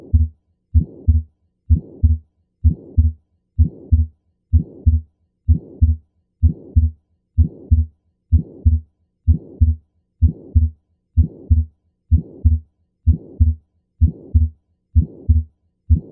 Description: The sound of pulmonic stenosis is often described as a harsh crescendo-decrescendo mid-systolic sound, often accompanied by a systolic ejection click.